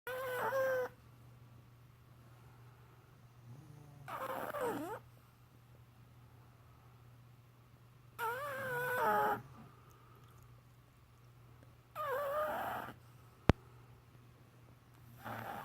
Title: Buttercup snoring